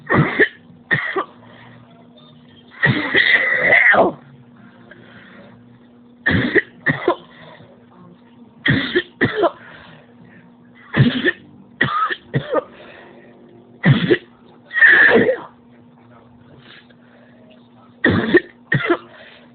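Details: Adult coughing fit of about fourteen harsh coughs in short clusters over twenty seconds, leaving the person physically drained and in pain.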